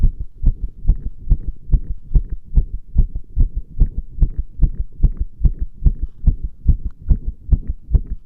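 Strong, regular, low thumping heartbeats over a muffled rumbling background, recorded with pressure against the chest; heart sounds.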